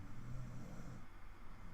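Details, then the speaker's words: A sleeping pet beagle snoring during narrated gameplay: a low, rumbling, vibrating breath sound. "and yes if you guys can hear the snoring that's my um beagle he is a noisy little guy"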